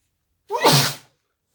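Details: Induced sneeze into a tissue: single loud sneeze, slightly muffled as if into a tissue; sneezing.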